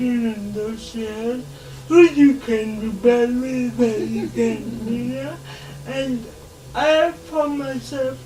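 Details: 26-year-old woman with lifelong cerebral palsy whose speech she says makes her hard to understand, though she is verbal; dysarthria (cerebral palsy).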